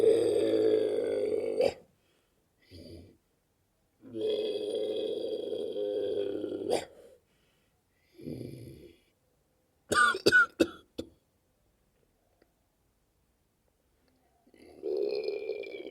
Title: Best Sleeping and Snoring #comedy